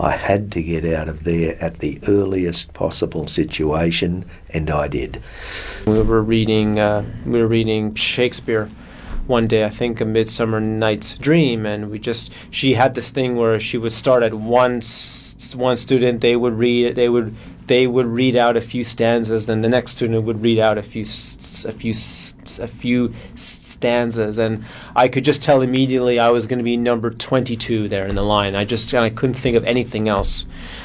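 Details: Stuttering in an adult, with audible repetitions.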